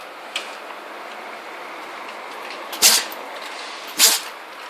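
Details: Dog sneezing, owner suspects a cold: two short, sharp sneezes over a steady room hiss, with a faint softer snort earlier.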